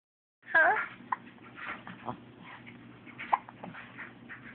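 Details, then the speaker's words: A baby with hiccups: two sharp, brief hiccup sounds a couple of seconds apart against a soft background voice. "huh what is that oh you have the hiccups yeah"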